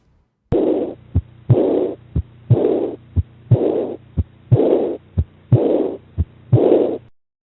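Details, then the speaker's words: Regular heartbeat near 60 a minute with a soft blowing murmur just after the second heart sound; early diastolic murmur of aortic regurgitation. "a further tip is to ask the patient to lean forwards while listening for aortic regurgitation as this can accentuate the murmur even further listen now to the early diastolic murmur of aortic regurgitation"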